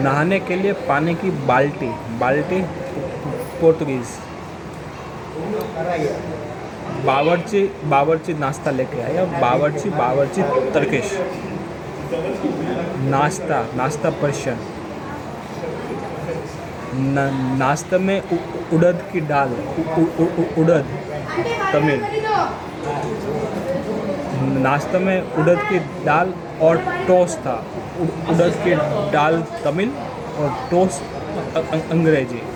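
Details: Adult man who stammers, with mouth ulcers affecting his lips, on day 68 of daily stammering practice in a hospital; stuttering.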